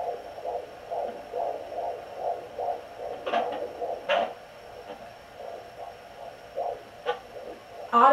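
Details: Fetal heartbeat on a Sonoline B pink pocket fetal doppler, probe with aloe vera gel on the mother's left abdomen: rapid galloping, rhythmic whooshing pulses over a steady hum; the mother's own slower heartbeat is also picked up.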